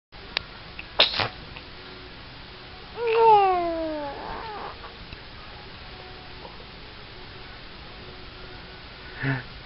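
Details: Cat sneezing: a sharp sneeze-like snort, then a falling meow and a faint later snort, against quiet room noise.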